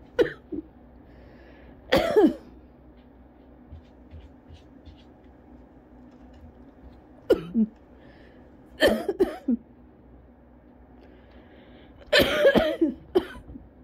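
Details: Adult with cough variant asthma, at home after using an inhaler following a 40-minute run in the cold, has repeated harsh coughing bouts in clusters; still coughing hard, lightheaded, and had coughed to vomiting; coughing fit.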